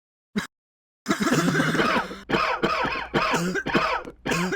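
A brief cough, then a run of harsh, voiced coughs and throat clearing in quick succession.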